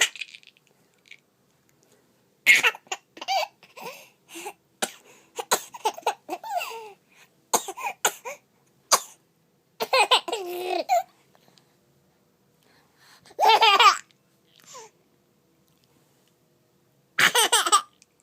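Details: Infant aged 20 weeks and 5 days gives short, bursting coughs mixed with giggles and babbling sounds.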